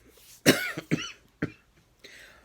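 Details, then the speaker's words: Three quick harsh, slightly wet adult coughs; the adult says they are not sick with a bug but have seasonal bronchitis from allergy-related postnasal drip, with difficulty breathing; cough. "no, I am not sick with any kind of bug. It's seasonal bronchitis. Due to my allergies, I get postnasal drip, which gets into my lungs, and then it causes the seasonal bronchitis where I have difficulty breathing, so I cough."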